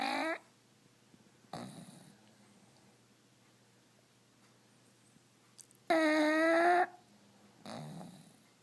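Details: Sleeping pug, snoring and twitching: short snorting snores with a few whistling, squeaky breaths between quiet pauses.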